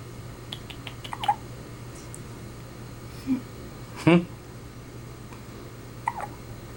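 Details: Newborn less than one day old in hospital, just burped, hiccuping: a few short, abrupt hiccups with small vocal squeaks over a low room hum.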